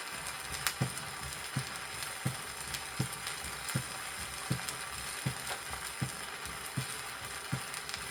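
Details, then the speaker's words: Vintage 1963 teaching record: regular heart sounds at about 80 a minute with an accentuated second sound over the pulmonary artery in mitral stenosis. "при митральном стенозе определяется акцент второго тона над лёгочной артерией"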